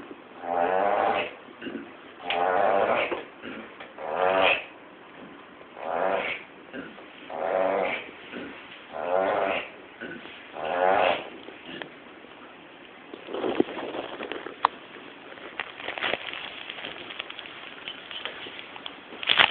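Rhythmic rasping snores about every one and a half seconds, fading into irregular softer breathing noise; snoring during sleep.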